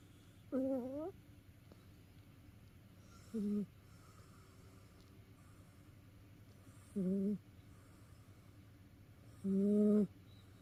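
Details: Cat asleep and tired out from play: four short snoring sounds over about ten seconds, with quiet pauses between them; snoring.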